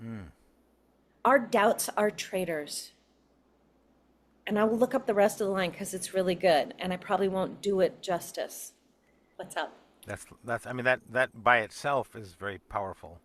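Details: Adult woman speaking; normal speech.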